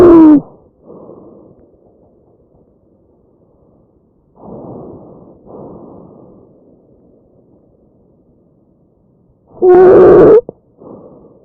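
Two loud, harsh, high-pitched musical breath sounds stand out, separated by softer rushing breath noise. This is tracheal stridor, a noisy, pitched breath sound caused by turbulent airflow through a narrowed large airway.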